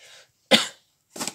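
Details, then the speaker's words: Two sharp cough bursts from an adult, a little away from the microphone; he has the flu (influenza) — cough. "Alors vous entendez peut-être qui tousse, il a la grippe."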